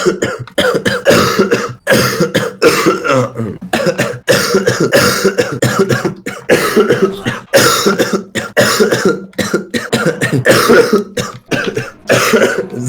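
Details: Man who coughed all evening says coughing feels so bad his eyes seem to bulge out; loud, harsh coughing in repeated bursts, about a dozen coughs over thirteen seconds, with brief gasping pauses.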